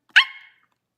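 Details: Girl with Tourette syndrome during a livestream: a single short, sharp, high-pitched bark-like yelp, an involuntary vocal tic.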